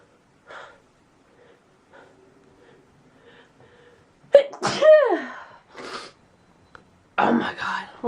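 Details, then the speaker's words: Spring allergy sneeze attack on a Monday morning while getting ready for school, with tickling in the ears and throat (not a cold): a soft voice, then a loud voiced sneeze with a falling, cry-like tail, then another sneeze. "So, once I stop sneezing, I can breathe. Good morning, Boomer. Yeah, it's a wonderful Monday. With a sneeze attack to wake me up."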